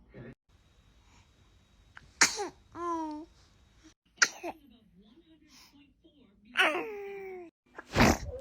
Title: Baby sneeze 🤧🤣 #baby #sneeze #funny #cute #funnybaby #funnymoments #funnyvideos #love #viral